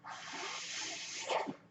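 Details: Steady airy hiss of a mechanical ventilator the speaker breathes with, the breath-delivery sound heard as he talks: mechanical ventilator breathing noise.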